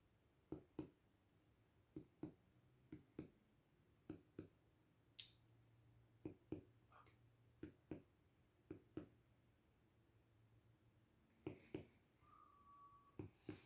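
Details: 35-year-old man, student respiratory exam: paired dull chest percussion taps repeated to map the lung–stomach border, note shifting from resonant to dull.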